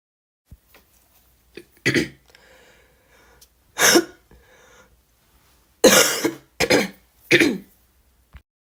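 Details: Several separate coughs and throat-clearing bursts from a girl, in short groups with quiet gaps between them.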